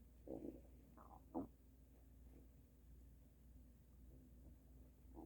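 Low gurgling rumbles and a few louder squelching bursts over a steady hum; loud stomach rumbling, a normal digestive sound.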